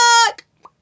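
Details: Woman with uncontrollable vocal tics; a sudden loud vocal sound interrupts her sentence, then she apologises; vocal tic.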